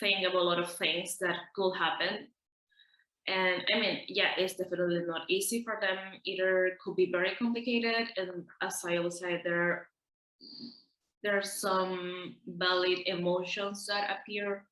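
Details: Adult man from the Netherlands who stutters, heard with audible repetitions such as "i i i'm" and "that that"; stuttering.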